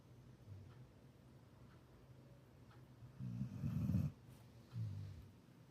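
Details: Female support dog snoring while asleep: low rumbling snores, louder on a couple of breaths, over quiet room noise.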